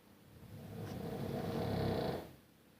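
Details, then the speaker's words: Adult man (husband) snoring loudly at bedtime: one loud, rumbling snore that builds and fades over about two seconds; snoring. "My husband is snoring. He's loud."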